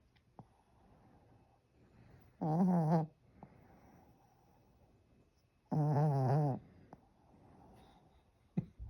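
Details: Two loud, buzzing snores about three seconds apart, each half a second to a second long, with quiet breathing between them; snoring.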